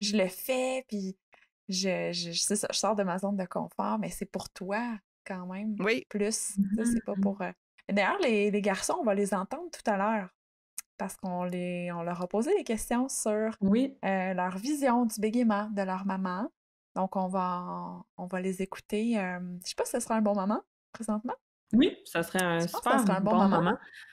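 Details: Adult woman speaking French; fluent speech.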